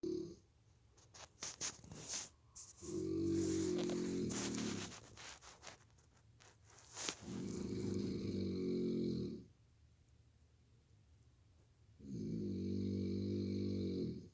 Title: snoring mini clip 💏💤🛌💤